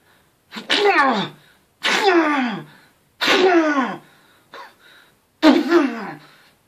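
Four loud voiced sneezes with a small gasp between, each falling in pitch; acted sneezes made for comedy.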